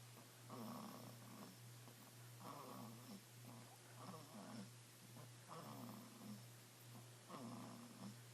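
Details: Snoring baby: soft rhythmic rattling snores with each breath, about 34 a minute, over a steady electrical hum.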